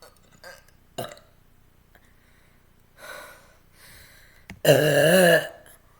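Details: A longer burp recorded on request: several short gulps and gasps, then one long, loud, rumbling burp lasting about a second.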